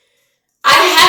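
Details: A girl's sneeze: after a short silence, a single abrupt, noisy burst with a two-part "ah-choo" shape that continues to the end.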